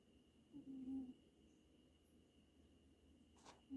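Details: A pet wheezes with a low, hoot-like whistling tone on the breath, recurring about three seconds apart.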